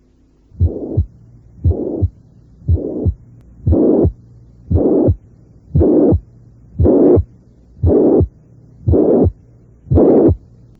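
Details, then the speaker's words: Simulated systolic mitral regurgitation murmur at the apex, about 58 a minute, loud and turned harsh with increased intensity, filling the gap between beats; mitral regurgitation murmur. "si su intensidad aumenta el soplo tiende a vol algo áspero esto ocurre esencialmente con todos los"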